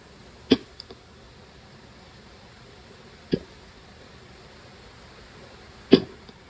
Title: Hiccups again